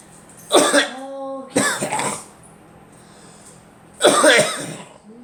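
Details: Two people coughing during drywall and paint work, with allergies mentioned and one saying they can't breathe: three coughing bursts with a short throat-clearing between; cough.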